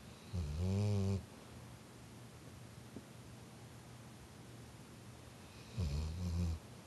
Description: Our dog "Shannon" Snores